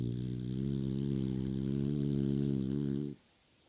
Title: snoring